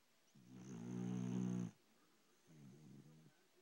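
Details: Pet dog snoring while asleep: a long rumbling, buzzing breath sound followed by a shorter, softer one; snoring.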